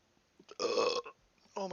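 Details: Man on a live stream burping: one loud, drawn-out, voiced belch followed by the start of another; burping, from a burp compilation.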